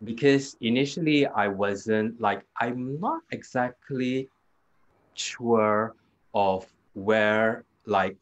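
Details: Aphasia in a man 2 years after a hemorrhagic stroke; initially severe, unable to talk at all in the first week, and still has trouble completing sentences and gets stuck on basic words.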